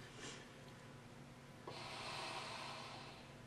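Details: Patient who is not breathing deeply enough, taught to use an inspiratory muscle trainer, breathing in at a setting raised above about 20 that should be much harder: a hard, hissing, effortful inhalation against resistance.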